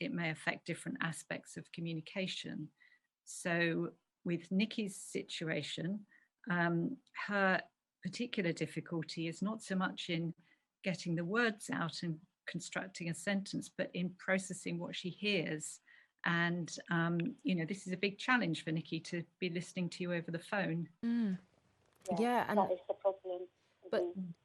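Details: Adult woman speaking; normal speech.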